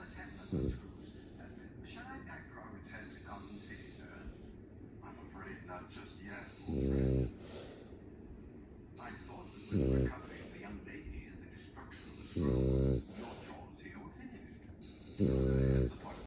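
Loud, rumbling snores at regular intervals over room noise, about five in sixteen seconds; snoring from a sleeping puppy.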